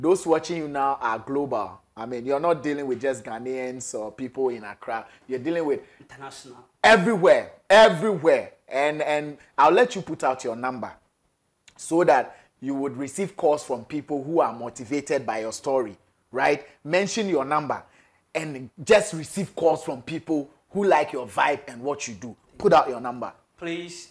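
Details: Adult man speaking; fluent conversational speech.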